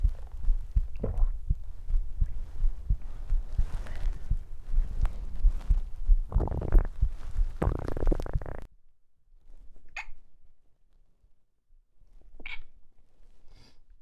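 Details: Stomach growling, mostly digestive rather than hunger sounds: low rumbling and gurgling for several seconds, then quiet with a few short squeaky gurgles; normal bowel sounds.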